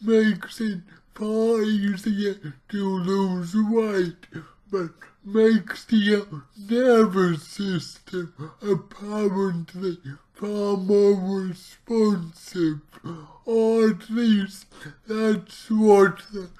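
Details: Man with cerebral palsy, about two weeks into trying a keto diet to see whether it affects his CP; real speech, heavily distorted; dysarthria (cerebral palsy).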